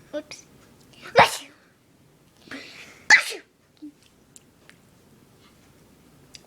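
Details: Person who says they can't stop sneezing, in a long sneezing fit: two sharp, explosive sneezes a couple of seconds apart, each with a quick breath in before it.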